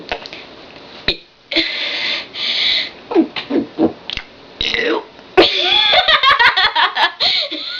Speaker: That was me burping my ABCs. I can't burp again.